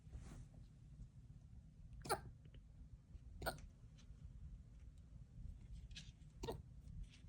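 Three brief, sharp hiccup sounds from a small animal in a quiet room, a few seconds apart.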